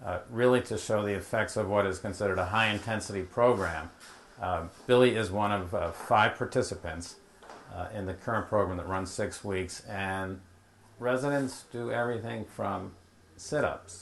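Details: Adult male speaker; Normal speech.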